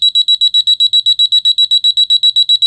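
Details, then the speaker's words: Rapid, loud, high-pitched electronic beeping, about seven beeps a second, steady and unbroken, from a wireless bedwetting alarm whose underwear sensor has detected moisture and triggered the bedside alarm unit. "to use the alarm turn it on then when the sensor detects moisture the alarm will trigger"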